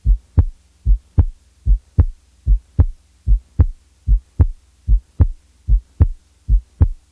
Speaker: now listen to a softer first sound followed by a louder second sound